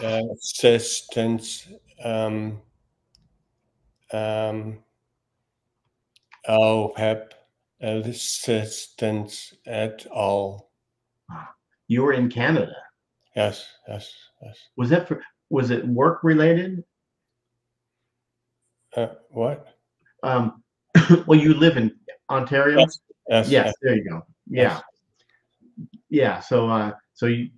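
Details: Adult male speaker in conversation; aphasia.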